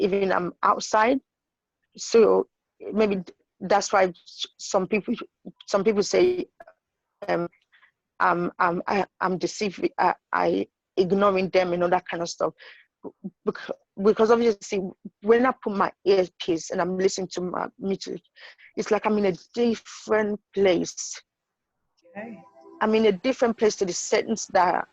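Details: Woman with intracranial hypertension and sight loss, whose condition makes familiar words hard to say; stuttering.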